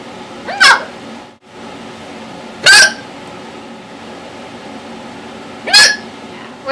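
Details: Person with hiccups that hurt, later stopped after drinking water: three sharp, voiced hiccups with a squeaky catch, about 2-3 seconds apart.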